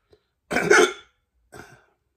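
A loud, abrupt hiccup with a voiced catch, then a second softer one about a second later.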